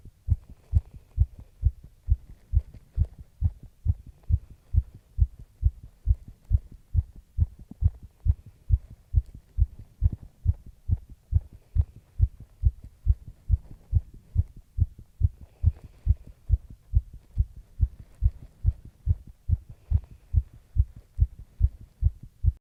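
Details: Heart sounds recorded during stretching after light exercise: quick, steady low thumps: mildly fast heartbeat after light exercise.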